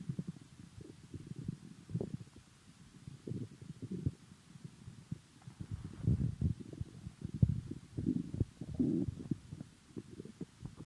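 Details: Ordinary bowel sounds from an adult's abdomen: irregular low gurgling and rumbling bursts; owner unsure whether full or hungry.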